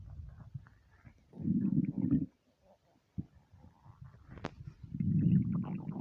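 Loud, low gurgling rumbles in two main bursts with smaller squelches between; hunger-related stomach growling, a normal sound.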